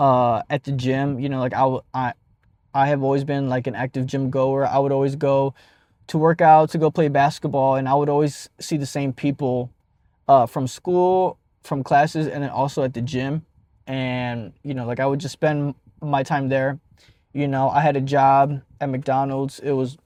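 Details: Adult who stutters; stuttering.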